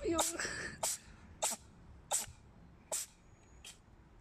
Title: Adorable Cat Sneezes Multiple Times - 1082184